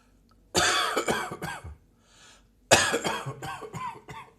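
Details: Morning coughing: two bouts, each a strong burst followed by several weaker coughs, with a faint breath between them; about eight coughs in all.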